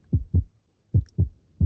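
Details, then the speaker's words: Normal heart sounds: regular paired low thumps, a clear lub-dub at about 75 beats per minute, with systole between the first and second sounds and diastole after. "Bueno, justamente como podemos ver, los ruidos cardíacos tienen esa sonoridad. Ustedes lo van a reconocer como el loop-doo, loop-doo."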